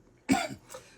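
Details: One harsh, forceful cough followed by a weaker trailing one, while smoking what is said to be Las Vegas marijuana ("the gas was too strong, I almost died").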